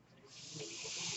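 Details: Airflow from the speaker's own mechanical ventilator, heard in the background while he talks during a spoken podcast recording.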